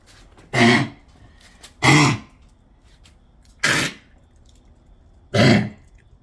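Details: A dog gives four separate harsh, dry coughs over about six seconds, with short quiet pauses between them, in a quiet room.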